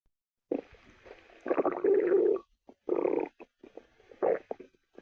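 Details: Stomach growling (borborygmi) while another person listens: gurgling, rumbling bursts with short pauses between them; ordinary bowel sounds.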